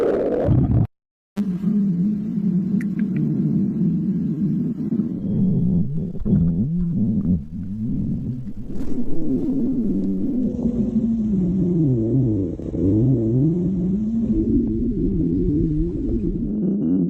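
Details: Stomach growling (borborygmi): continuous low rumbling and gurgling with shifting, wavering pitch over about 17 seconds.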